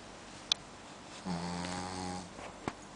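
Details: Single low, rattling, buzzing snore on the in-breath from a sleeping dog, faint clicks before and after in a quiet room: snoring.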